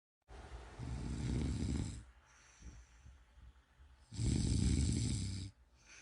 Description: 1 hour of snoring noises to improve your`e sleep and meditation.